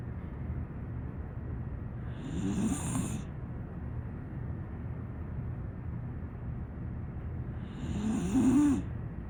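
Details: About two and a half minutes of continuous snoring from a sleeping rescued "pocket pittie" pit bull-type dog.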